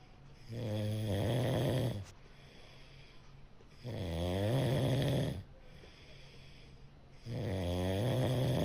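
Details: Cat snoring while asleep.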